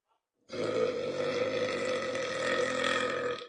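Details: Girl in a mukbang burping clip gives one long, loud, deep, drawn-out burp of about three seconds and says "excuse me"; deliberate burping.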